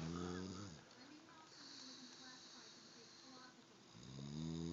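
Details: Two low, rumbling snorts at either end with a soft, noisy breath between them: snoring.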